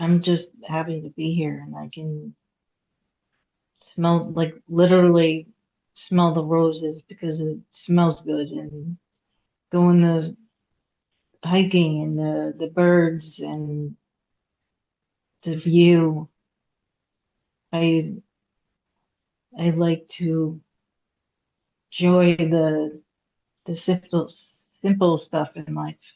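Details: Aphasia in a woman after a hemorrhagic stroke at age 36 in September 2018, with 2 years of speech therapy and ongoing trouble getting her point across, reading and writing.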